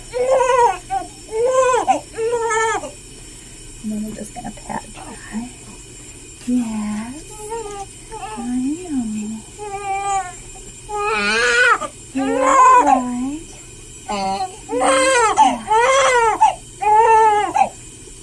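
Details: Repeated loud bursts of crying with quieter adult talk between them from a 13-hour-old newborn girl being soaped during her first hospital sponge bath, umbilical cord still attached; ordinary vigorous newborn cry.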